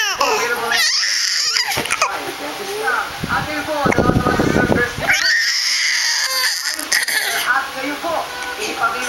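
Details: Loud, tearful infant crying in bursts with whimpers and another voice in the room; infant with hiccups; infant cry.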